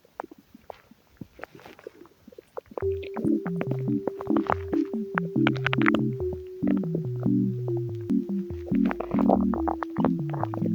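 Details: Stomach rumbling (borborygmi), cause unclear, tagged as hungry gurgles: irregular bubbling gurgles and pops from the belly, clearest at first, then partly masked by background music.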